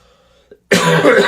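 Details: A single loud, harsh cough after a brief quiet moment, during a live broadcast.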